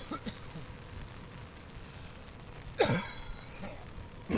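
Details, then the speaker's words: An adult man standing outdoors in cold, rainy weather gives one brief, forceful throat clear against steady rain and traffic noise; he says the cold makes him cough badly and gives him throat problems. "excuse me cold weather makes me cough really bad hopefully guys can't hear it"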